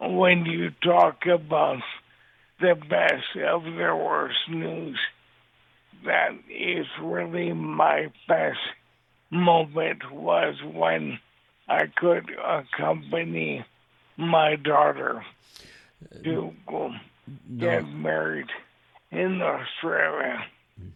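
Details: Dysarthria in an adult man with ALS diagnosed in 2014; the disease has affected his voice and mobility, and he also uses a synthesized voice.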